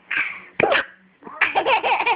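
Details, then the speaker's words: Adult mother gives a single abrupt hiccup, followed by bursts of her baby's giggling laughter. "Why are you laughing at Mommy's hiccups? They hurt me."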